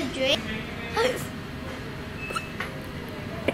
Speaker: oh man no I got the hiccups real bad what do you think that sound is I